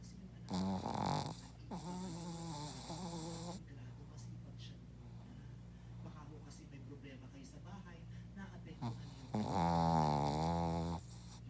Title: Hoki loves to snore❤️